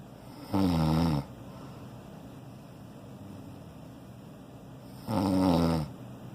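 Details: Male sleeper snoring loudly again: two loud, low, rattling snores on inhaled breaths about 4.5 seconds apart, with quiet exhalation between; ordinary snoring.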